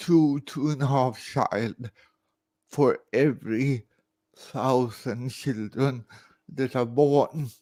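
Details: Dysarthria in an adult man born in 1968 with severe cerebral palsy caused by about 45 minutes without oxygen at birth.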